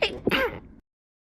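A single sharp, noisy sneeze with a brief intake before it, from a game soundtrack.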